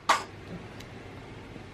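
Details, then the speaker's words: Loose, phlegmy single harsh cough from a young child who has been coughing a lot, couldn't sleep well; similar illness at 1, 3 and 6 months of age; mother also has phlegm issues; wet productive cough. "le sick coughing like crazy phlegm cough she's had this sickness before when she was like 1 months old and then three months old and six months old"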